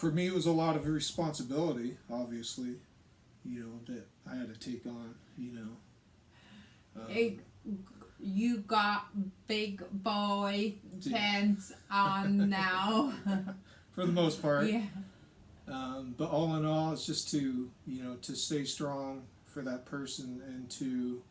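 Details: Adult man speaking; normal speech.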